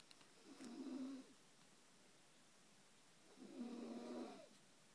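Two rattling, vibrating breaths about three seconds apart in a quiet room; ordinary snoring.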